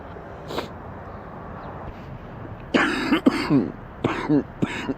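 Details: Man sick with an extremely stuffy nose and horrible cough: after a quiet stretch and a sniff, a few deep, rattling coughs with throat clearing over outdoor noise; wet productive cough.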